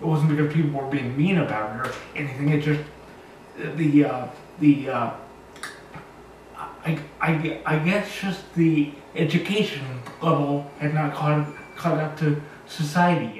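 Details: 36-year-old man with cerebral palsy, born two months premature, who describes himself as very high functioning; dysarthric speech in cerebral palsy.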